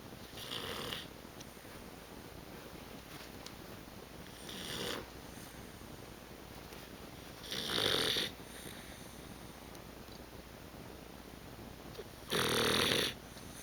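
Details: Female animal or person snoring: four rough, noisy snores with quiet gaps, about 12 per minute, over faint room noise; snoring.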